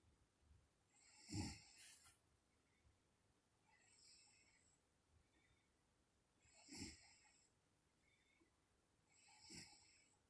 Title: Mommy snoring 2